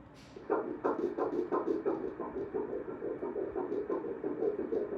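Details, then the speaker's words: Rapid, regular whooshing fetal heartbeat on ultrasound, measuring 185 beats per minute, with the baby measuring on its due date: a good, strong fetal heartbeat. "It's perfect. A good strong heartbeat. Measuring 185."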